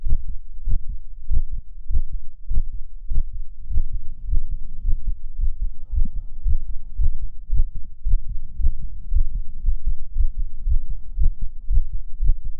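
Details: Fast, regular male heartbeat, about 110 beats a minute, deep steady thumping with a faint hum behind it; ASMR recording.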